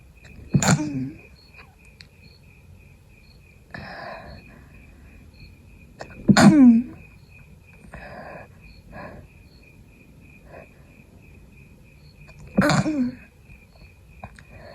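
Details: Adult still sick with a cold, fever gone, constant tickle: three sharp, partly held-back stifled sneezes with quiet sniffs and breaths between, over a steady background tone.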